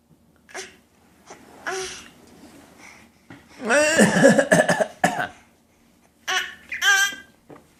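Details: Toddler copying her father's coughing: short voiced pretend coughs mixed with babble and laugh-like sounds; voluntary cough.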